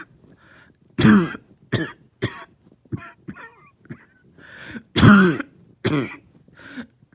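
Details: Lingering cough that started last night, with headache: several sharp cough bursts with softer throat-clearing sounds between them, in a quiet room.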